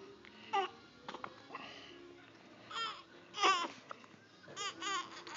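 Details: Short, broken whimpering cries with fussy vocal sounds between them from an infant who has hiccups; infant crying.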